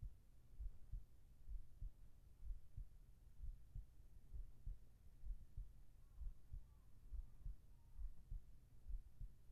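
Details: Normal heartbeat in a sleep ASMR recording: steady, regular low lub-dub beats about 65 a minute over a faint hum, with whispered voice.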